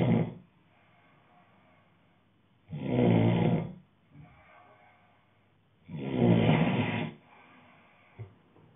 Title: Snoring guy 2